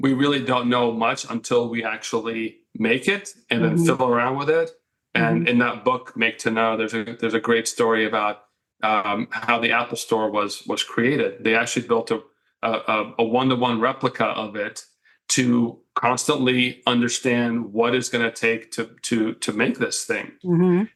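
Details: Adult man who has stuttered since childhood; he says it mostly faded over time but can still be heard a little; mild residual stuttering.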